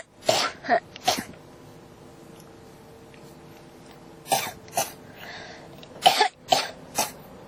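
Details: Person with a cough that won't stop: three bouts of harsh coughing, about eight coughs in all, with quiet pauses between; persistent, repeated cough.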